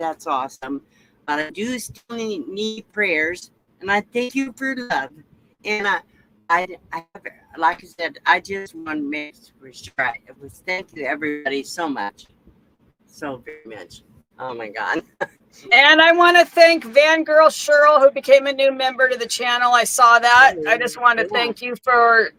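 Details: Adult woman with aphasia after her second stroke, real; no facial or limb paralysis, loss of speech and cognitive effects; speech remains impaired with repetitions and word-finding difficulty; aphasia after stroke.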